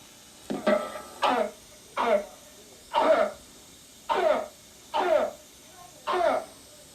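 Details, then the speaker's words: Child with habit cough: a steady run of loud, brassy, harsh, honking coughs that disturb others but don't bother the child, and that go away completely when the child sleeps; habit cough. "a cough but it becomes very loud and and brassy and harsh and um it's disturbing often to people around the child. Luckily, it doesn't hurt the child or bother them."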